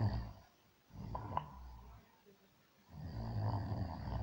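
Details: Snoring during sleep from a man who says he doesn't snore: low rumbling snore at the start and again at the end, with a quiet pause between.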